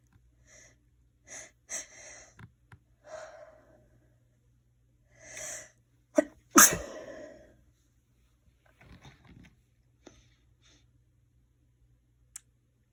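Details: Person feeling like they have a cold sneezing: a series of sharp, explosive sneezes, some preceded by a short intake of breath, with quiet gaps between.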